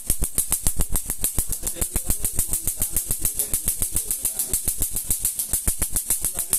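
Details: Fast, sharp snapping clicks in steady succession with a high hiss: laser pulses removing a homemade tattoo done 8-9 years earlier with a sewing needle and gel-pen ink; the client asks about the pain.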